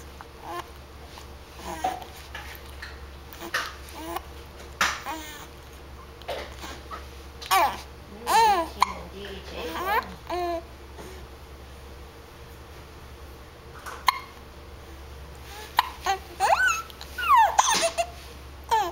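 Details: Baby with hiccups: babbling and soft vocal sounds broken by several short, abrupt catches in the voice.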